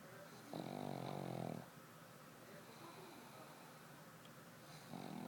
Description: Oliver the black pug dreams and snores in bed